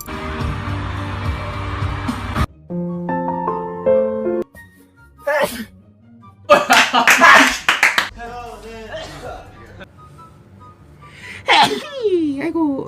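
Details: Compilation of sneezes by BTS members: several sudden, forceful adult sneeze bursts mixed with music and short snippets of voices.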